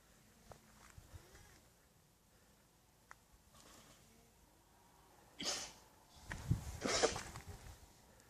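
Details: Alpacas on a farm sneezing: two sharp, explosive bursts of air close together after quiet background.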